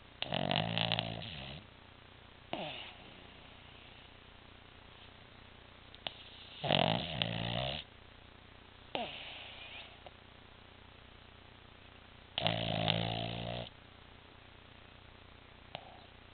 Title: Loki Snoring